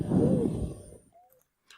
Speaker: then we have wheezing asthma and emphysema yep here's the wasting sound again here at the end